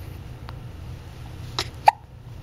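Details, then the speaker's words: Infant boy, about 2–3 weeks old, with frequent hiccups: two brief, sharp clicking catches about a third of a second apart in a quiet room. "you have the hiccups? Sorry, bud. You get the hiccups a lot, huh?"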